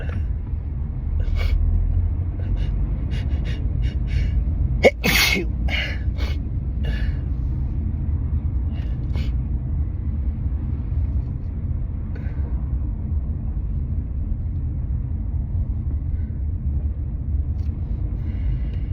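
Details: Allergic sneezing fit in a moving car after pollen, wedding flowers and a strong synthetic car air freshener; a run of repeated sneezes, several partly muffled, over steady road rumble.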